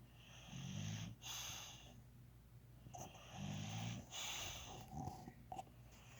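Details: Slow, rough rattling snores on the in-breath, about 20 a minute, with quieter breathing between; ordinary snoring.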